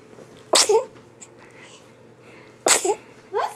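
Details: A yawn followed by sneezing: two sharp, explosive sneezes about two seconds apart, each with a quick breathy tail, in a quiet room.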